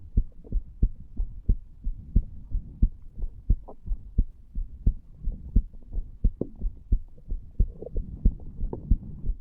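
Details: Steady, clear two-part heartbeats at about 90 per minute with a faint background hum, recorded over the tricuspid area in a 34-year-old male lying on a bed after smoking nicotine from a cigar and "green stuff"; heart sounds.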